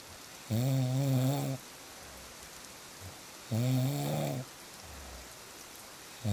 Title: • Fall Asleep Fast With Real Snoring Sounds